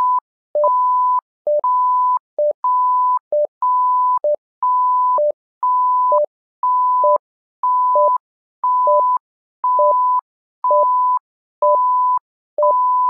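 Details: Simulated patient monitor (SimMon) alarm tones: a steady two-tone electronic beep, a short lower note then a longer higher one, repeating about 61 times per minute.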